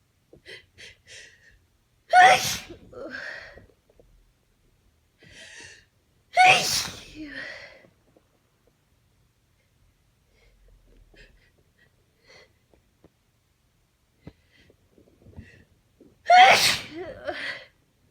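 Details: Three forceful sneezes, each preceded by quick catching in-breaths and followed by a short trailing voice, with quiet pauses; tired allergy sneezing despite taking antihistamines, during the sneezer's worst allergy flare in a long time.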